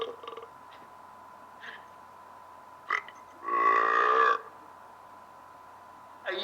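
One long, loud, rumbling burp from a cartoon soundtrack, with a steady tone and brief speech around it.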